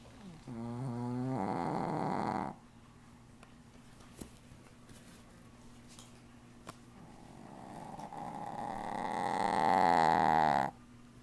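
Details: Dog sleeping in a cone collar: two long, loud buzzing snores with a rattling, fluttering quality, separated by a quiet pause.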